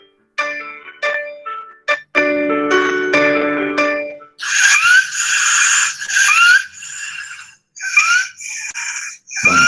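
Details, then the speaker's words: Stridor played in a pediatric bronchiolitis lecture: loud, high-pitched musical breathing with squeaky rising tones from a narrowed upper airway, audible from the mouth without a stethoscope; resembles wheezing but is not auscultated. "eso es un estridor. Suena como a sibilancia. Bueno, pero ¿sabes cuál es la diferencia? Que esto no estás auscultando, no necesitas estetoscopio. Y es alto, es un ruido que sale por la boca, ¿sí?"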